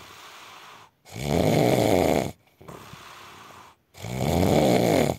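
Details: Adult man (husband) snoring in his sleep: two long, loud, rattling snores on breathing in, separated by quieter breathing out; ordinary heavy snoring.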